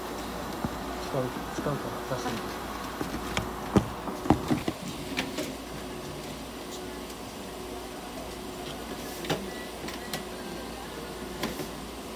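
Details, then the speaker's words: Treatment of a budgerigar in a veterinary ICU incubator receiving warmed, humidified oxygen therapy. "はい、積水インフォのふーちゃんの治療の様子です。 ICU 内で保護個室酸素療法を行っています。"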